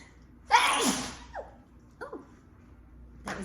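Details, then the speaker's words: One big explosive sneeze with gasping breaths after it and the start of another, with apologies, during a sudden allergy sneezing fit. "i'm sorry i'm having some big sneezes thanks sorry"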